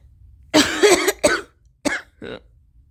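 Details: Five to six huge, powerful sneezes: forceful explosive bursts, then smaller follow-up expulsions; started after equine therapy at a ranch, with suspected allergy, and new allergy medication begun the night before.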